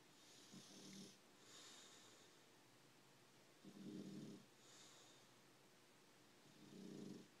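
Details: Ferdinand snoring while napping in the office: snoring.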